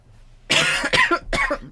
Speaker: Apologies, I was trying to say her name and I started coughing.